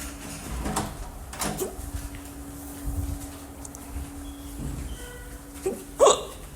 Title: Hiccups audio